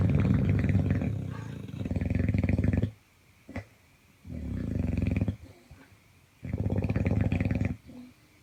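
Loud, harsh, fluttering rumbles on breathing with short silent gaps between; heavy snoring.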